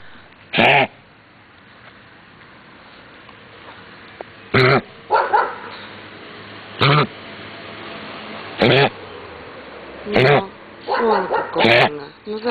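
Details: A dog out on a walk gives repeated harsh, honking coughs in separate bursts against quiet outdoor noise; coughing fit.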